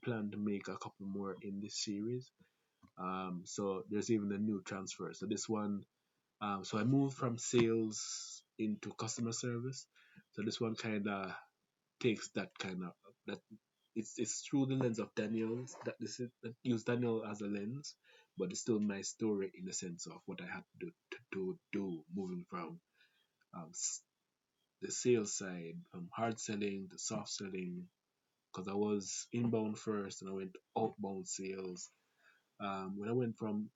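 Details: Stuttering in an adult Jamaican man who reports a stutter inherited through his family (grandfather, father, siblings), a fast speaking rate, and a sore throat that day; stuttering.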